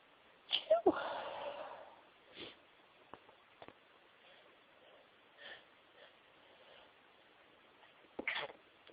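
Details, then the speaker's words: Stifled sneezes: a few muffled, held-back sneezes with short sniffs between them in a quiet room. "Bless me. I'm gonna sneeze."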